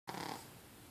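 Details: Snoring in a pug sleeping deeply: a brief snorting, rattling breath, typical flat-faced dog snoring.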